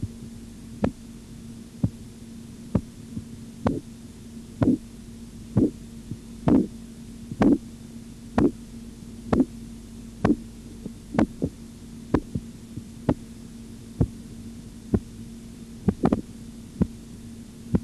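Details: Korotkoff sounds during auscultatory blood pressure measurement with a stethoscope: regular tapping beats at about 63 a minute.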